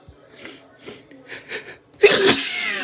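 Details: Induced sneezes in a person with a very stuffed nose, a constant tickle and sneezes that have been getting stuck: several rising quick breaths in, then one loud, explosive, messy sneeze.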